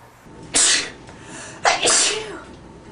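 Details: Man: two loud, sharp, hissing sneezes, the second with a brief voiced lead-in; ordinary sneezing.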